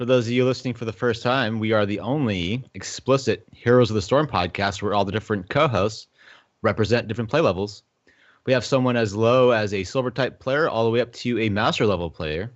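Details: Adult male speaker; normal speech.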